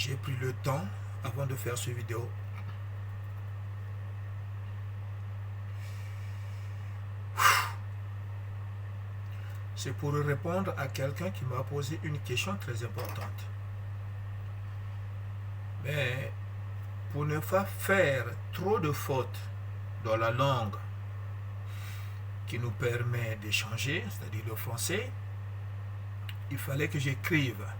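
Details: Adult male who describes his stuttering as a disability that worsens with emotion, reading a prepared written text in French to communicate better; stuttering.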